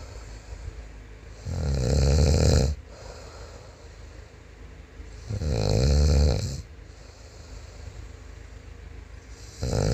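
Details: Man snoring: loud, deep, rattling snores, one breath about every four seconds, with quieter breathing between.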